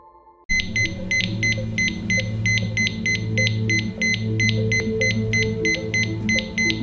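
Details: Very fast, high-pitched monitor beeps, about 180–190 a minute, over a steady machine hum: rapid ventricular tachycardia rhythm.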